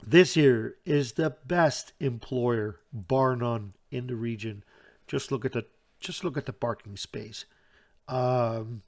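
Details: Stuttering in an adult Dutch man who reports a stutter that is audible all the time, a type in which he always hangs up between his words.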